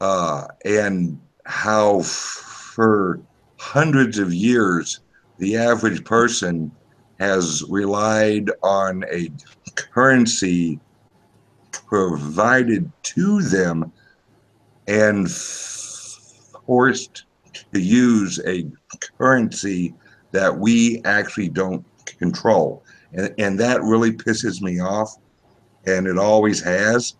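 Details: Male podcast guest's self-reported speech impediment, type not specified. Finding: speech impediment.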